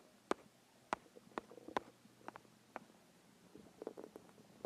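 Soft clicks, pops and brief gurgles scattered over a quiet background; bowel sounds of a hungry stomach.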